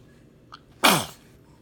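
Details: Person blowing raspberries and sneezing: a single sharp, explosive sneeze after a brief quiet intake.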